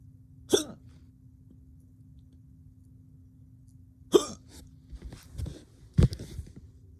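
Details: Male with hiccups since waking that morning: three sudden, sharp, unpredictable hiccups at irregular intervals, each a brief involuntary gulp, with quieter breathing between.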